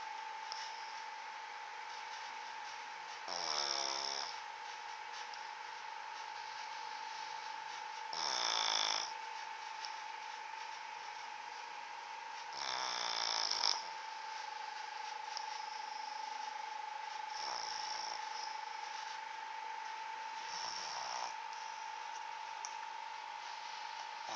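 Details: Five rattling snores come at a steady pace of about 13 breaths a minute over a constant background hum: snoring.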